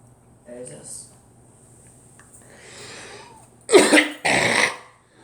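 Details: Faint voice and rustling, then two loud, harsh cough bursts close together; a cough.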